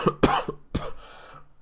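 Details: Cough from an ill adult recording gameplay commentary with a croaky voice while recovering from sickness.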